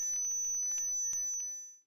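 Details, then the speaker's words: A steady, thin, high-pitched whistle simulating tonal tinnitus, a constant ringing heard in the head or ears that nobody else can hear. "the ringing can take different forms my love Adele hears this noise like sound I on the other side hear a high-pitched tone"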